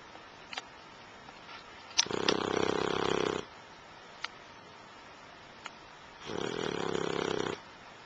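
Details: Snoring during sleep: two long, fluttering snores separated by quiet pauses, with faint clicks between them.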